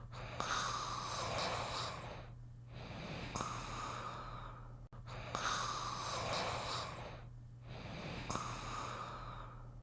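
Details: Simulated cartoon snoring of the Little Einsteins character Beethoven: slow, noisy breaths about 12 a minute over a steady low hum; snoring.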